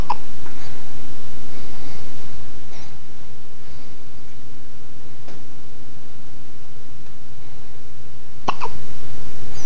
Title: Baby hiccups!